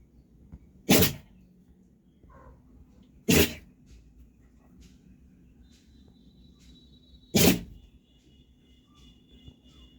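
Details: Dog sneezing: three sharp, explosive sneezes spaced a few seconds apart, with quiet room noise between.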